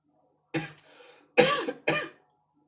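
Three coughs in quick succession, the later two louder with a voiced, throaty edge.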